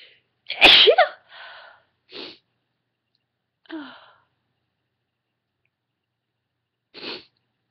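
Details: Adult female, induced sneezing: one loud sharp sneeze after a breathy intake, then softer breathy puffs and sniffs; sneezing.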